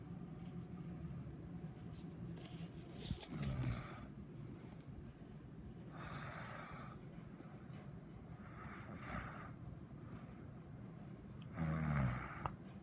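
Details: Snoring during sleep: low, rough, snorting breath noises in irregular bursts, some with a short nasal snort.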